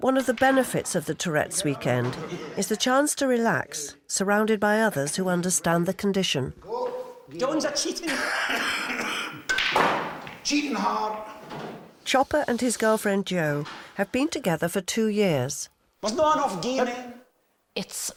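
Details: Adult narrator, with other voices; normal adult speech.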